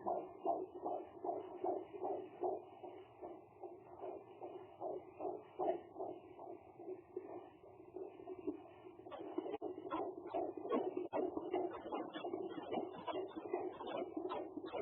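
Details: Fetal heartbeat of a baby girl between weeks 20 and 30 of pregnancy, heard through a Doppler behind fetal movements: fast, regular whooshing pulses at about 150 beats a minute.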